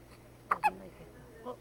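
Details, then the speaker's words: Young girl with hiccups: two quick, abrupt voiced hiccups close together, then a fainter one, against steady background hum; hiccups. "Oh, hiccups. Daddy, I got the hiccups."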